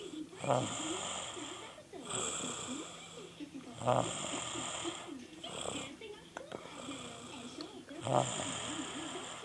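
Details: Person snoring while asleep during an overnight stay: rattling snores with each breath, about 14 breaths a minute, in a steady rhythm.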